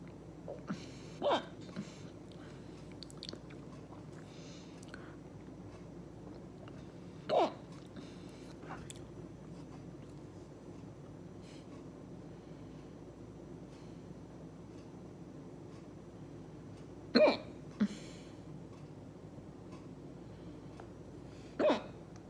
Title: Hard hiccups